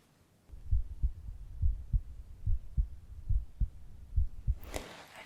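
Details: Normal heartbeat sounds heard through a stethoscope during an ASMR roleplay home cardiovascular examination.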